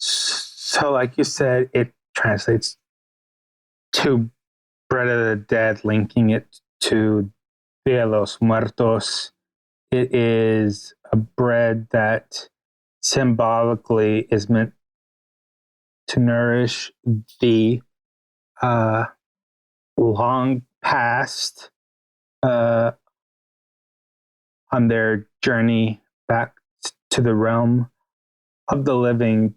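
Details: Adult male podcast guest with a stutter, speaking in an interview; stuttering.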